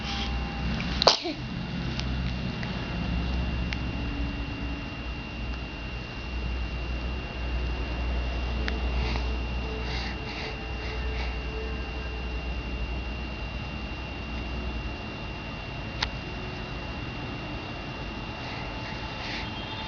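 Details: Sneeze, recording labelled month 2: a single sharp sneeze burst early on, then quiet room noise with faint rustling.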